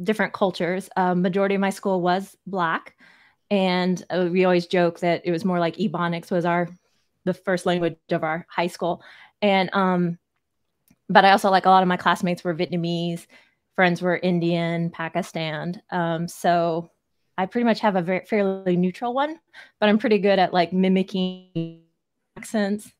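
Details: Adult speaker; ordinary conversational speech.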